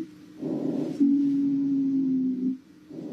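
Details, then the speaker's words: Lungs of a person in an asthma crisis heard through a stethoscope, played alongside other lung sound examples; wheezing from acute asthma. "así se escuchan los de una persona en crisis asmática"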